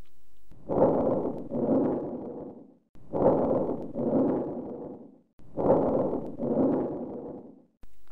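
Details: Vesicular breathing with prolonged expiration, as in asthma or emphysema: soft rustling breaths with brief inspiration and longer drawn-out expiration, about three cycles; stethoscope teaching recording.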